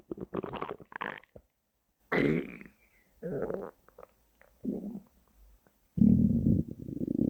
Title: Three Years of Hungry Stomach Growls!